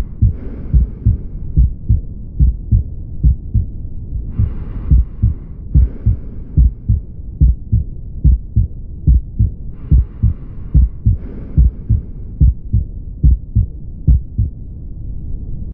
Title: Aortic regurgitation